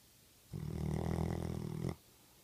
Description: Chocolate labrador snoring